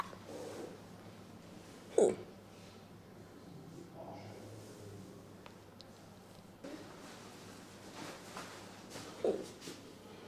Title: Baby panda hiccups while falling asleep